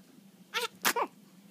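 A brief nasal squeak followed by a sharp, explosive sneeze from a dog in a quiet room.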